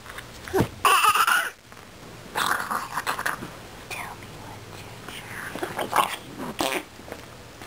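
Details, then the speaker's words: Baby makes a few playful, breathy pretend coughs between babbling sounds while learning to say bye-bye; voluntary imitation cough, not illness. "you know what you're pretty cute you know that you are such a crazy fake coffer what are you trying to say"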